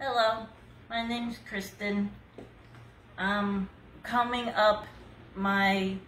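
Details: Adult woman with aphasia after a hemorrhagic stroke, treated with seven brain surgeries and one more planned; she could not talk at all the previous year, uses speech-help materials, and remains numb on one whole side.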